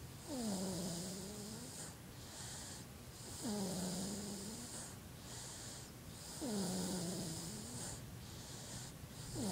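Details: Sleeping 7½-month-old infant boy snoring with regular, tonal, slightly whistling sounds about every three seconds, near 20 breaths a minute.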